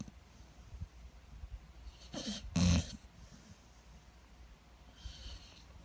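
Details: Sleeping American Staffordshire Terrier snoring: a single short, rough snorting breath with faint breathing before and after.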